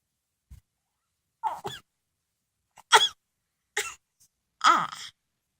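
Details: Several brief, sharp sneezes from a small pet animal, separated by quiet pauses.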